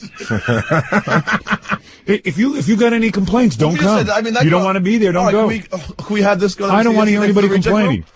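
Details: Adult man speaking; ordinary speech.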